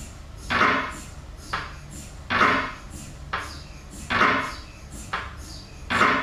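Loud, regularly repeating mechanical knocking and buzzing bursts, about every second, typical of an MRI scanner running.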